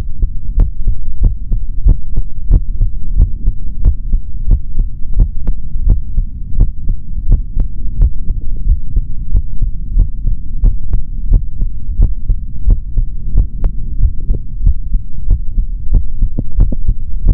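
Steady low thumping heartbeat, about 90 beats a minute, over a faint hum from the stethoscope.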